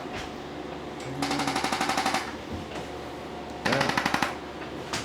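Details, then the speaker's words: Two bursts of rapid mechanical tapping, about four taps a second, from a handheld chiropractic adjusting instrument (tapper gun) applied while standing, to help hold an adjustment for low back pain from deadlifts and shoulder problems. "Let me shoot you now. Oh, tapper gun. Stand like this. Yep. This will help you hold your adjustment."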